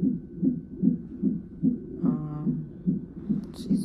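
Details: Fetal heartbeat on a hospital fetal monitor in labor and delivery triage at 34 weeks of pregnancy, with the mother in sharp pain and pressure and possible labor: steady whooshing thumps about 150 a minute, described as very good and strong, with a brief tone.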